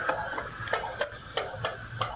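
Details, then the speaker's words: Steady paired heartbeat clicks at roughly 90 per minute, thin and tinny as if through a small speaker: recording of a heart transplant recipient's heartbeat, the donated heart of a 16-year-old, made after the transplant. "TO THANK DAKOTA'S PARENTS HE RECORDED THE SOUND OF HIS HEARTBEAT AFTER THE TRANSPLANT, THE SOUND OF DAKOTA'S HEARTBEAT."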